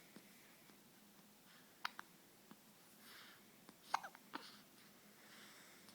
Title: Baby hiccups 2